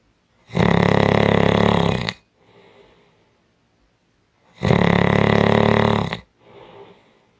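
Two loud, rough, rumbling inhaled snores, each followed by a softer exhale; heavy snoring from throat vibration during sleep.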